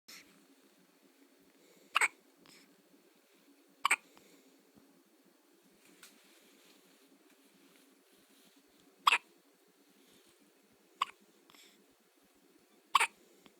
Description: One day old Squeaker has the hiccups.